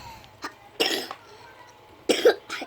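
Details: Two short bursts of coughing, each a quick double cough, from a child reading aloud while sick with a cough and runny nose (cold).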